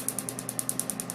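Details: Laser tattoo removal on a male patient's left-arm full-sleeve tattoo: rapid, evenly spaced sharp snapping clicks, about ten a second, from the laser firing its pulses; several sessions needed.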